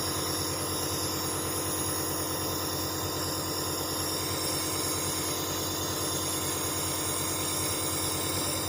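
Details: Dr Trust compressor nebulizer running with medication while the user breathes through a mouthpiece held between the teeth; it makes a steady, loud mechanical hum and hiss.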